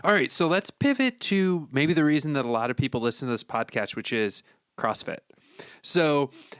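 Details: Adult male speaker; typical speech.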